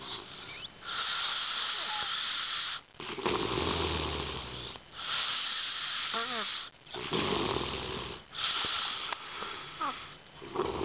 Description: My roommate snoring loudly at the middle of the night and this is the evidence that he definitely snores.